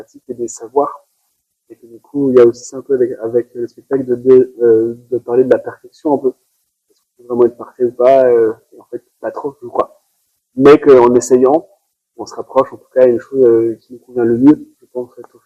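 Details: Adult male performer who has stuttered since about age 5, worsening in adolescence around 16. Stuttering.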